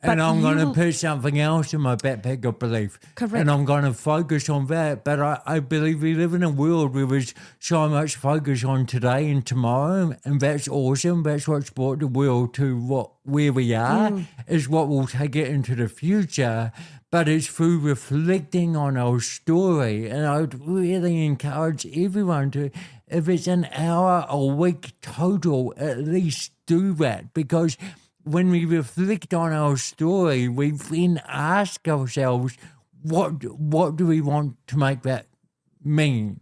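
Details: Adult man born with cerebral palsy, a congenital physical disability affecting how messages travel around his body, with walking and talking named as his biggest challenges; dysarthria (cerebral palsy).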